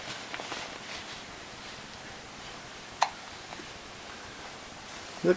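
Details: Infant boy's hiccups: two brief, sharp catching sounds a couple of seconds apart in a quiet room.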